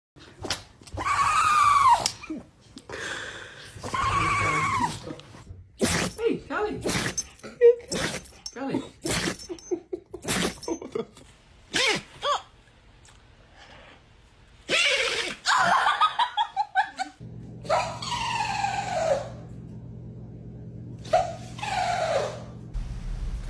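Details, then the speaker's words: Several short, sharp sneezes from dogs in quick succession, with human voices reacting in a small room. "Oh my goodness, what a big sneeze. Poor little buddy."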